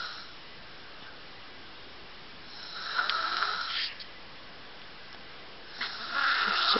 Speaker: is she always snoring in her sleep?